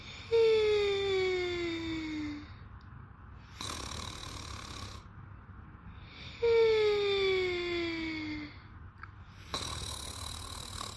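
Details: Two people sleeping and snoring: long tonal snores, each followed by a noisy breath out, about every six seconds; sleep snoring.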